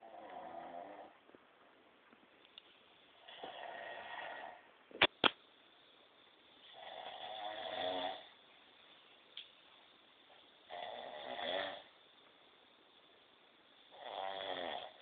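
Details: Soft, regular rasping snores every three to four seconds, roughly 17 a minute, in a quiet room with a couple of sharp clicks; snoring during sleep.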